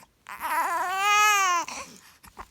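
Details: 7-week-old baby boy, hiccuping and wanting milk while being soothed: a single drawn-out, high, wavering wail, rising then falling and ending in short sobs; infant cry.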